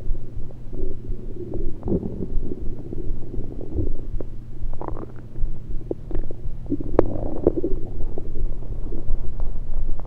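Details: Continuous low rumbling with scattered bubbling gurgles and squeaks over the stomach, recorded with a USB electronic stethoscope; only liquids taken at the time, cause unknown to the recorder: active bowel sounds.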